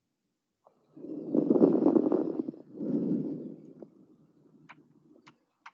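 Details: Fine crackles.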